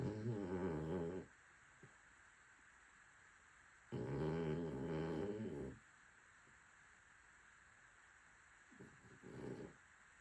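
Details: Cavalier dog snoring: slow, rumbling bursts separated by quiet pauses.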